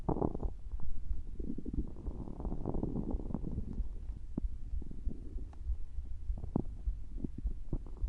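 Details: Stomach growling: low, continuous gurgling and rumbling with scattered pops; ordinary borborygmi.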